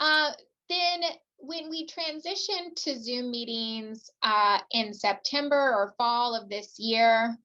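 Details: Adult woman speaking; typical speech.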